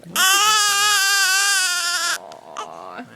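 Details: Infant gives a loud, sustained, high-pitched wail lasting about two seconds, followed by softer fussing; infant crying.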